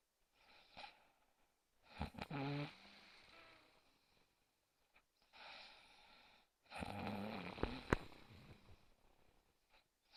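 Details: Unidentified sleeper (whose snoring is asked): irregular snoring with snorting, fluttering in-breaths, a softer breath between them and quiet pauses, in a small room.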